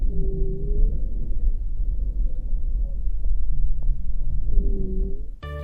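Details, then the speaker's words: Rhonchi: low-pitched, snoring, continuous added sounds over a rumbling chest recording, from vibration of airway walls with turbulent flow through partly obstructed airways. "ruidos agregados u adventistas ruin continuos rondas es un ruido de baja tonalidad que se produce por vibración de las paredes de la vía aérea generada por el flujo turbulento por obstrucción"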